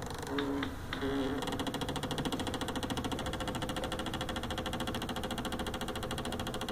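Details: Rapid mechanical rattling pulses with a couple of short beeps at the start as a refurbished GE Achilles heel ultrasound bone densitometer prints a report after scanning a patient's heel.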